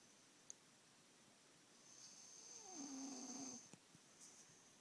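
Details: A son's snoring keeping his father awake: a single soft, low rattling snore swelling over about two seconds and fading, with steady high hiss behind.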